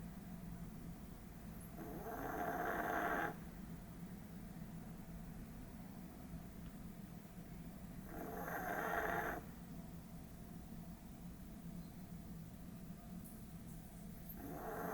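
Three rough, rattling snores on breaths about six seconds apart, with quiet room noise between them; ordinary snoring.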